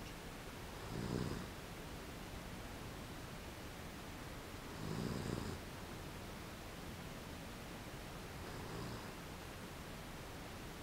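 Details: Soft, rough snoring noises about every four seconds against steady background noise from a sleeping dog; owner asks whether the snoring is a disease.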